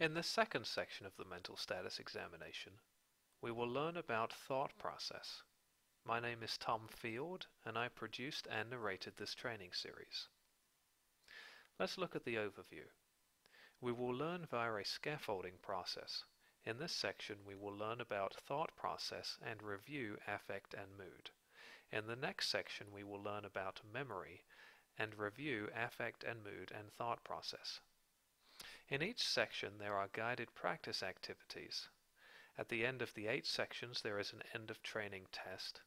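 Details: Adult male narrator; normal adult speech.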